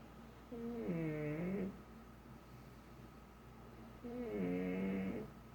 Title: My Snoring Pug